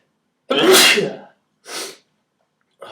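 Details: Adult who reports feeling tired and possibly sick in a cold, unheated apartment: a loud, explosive sneeze followed by a smaller second burst; sneezing.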